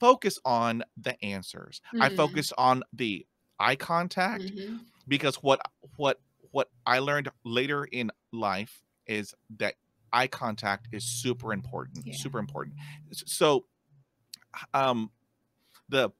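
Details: Real stuttering in an adult man who stutters, heard while hosting a show about life with stuttering; stuttering.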